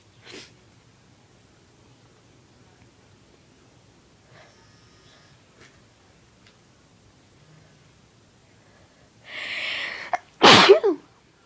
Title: More induced sneezes